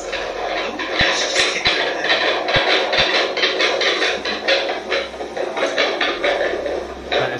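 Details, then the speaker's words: Fetal heartbeat at nearly 31 weeks of pregnancy, measuring normally, on a Doppler monitor: rapid, regular whooshing pulses of about 136 beats per minute. "Check this. This is my unborn daughter's heartbeat."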